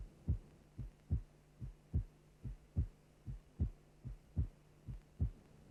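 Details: Normal first and second heart sounds.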